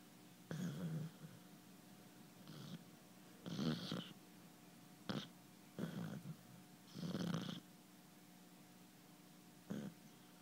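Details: Hound dog during sleep: repeated short, rattling snorts and snores of uneven length over a faint steady hum; snoring.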